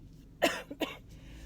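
Two short, harsh cough bursts from an adult, a rough chesty cough during recovery from bronchitis.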